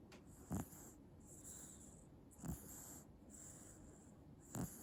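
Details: 8-month-old baby asleep: soft, low snoring sounds recurring about every two seconds over steady hiss; light infant snoring during sleep.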